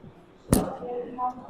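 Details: Single sharp crack during a chiropractic spinal thrust for a disc bulge, after the patient is told to breathe in, exhale and relax; quiet room; joint cavitation.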